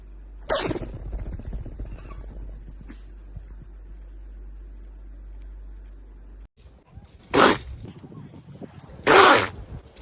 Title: RANKING BEST ANIMAL SNEEZES